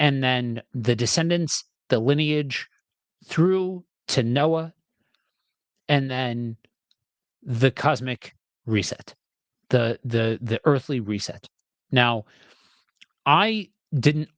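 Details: Adult man with a self-described speech impediment, reading scripture aloud: stuttering.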